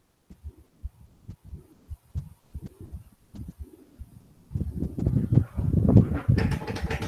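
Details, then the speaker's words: Mitral regurgitation murmur played in a cardiology teaching seminar, heard at the apex: regular heartbeats with a blowing pansystolic murmur filling systole; loud background noise later. "okay uh so moving on to the the the holocaust mama also the fan system in the micro regurgitation"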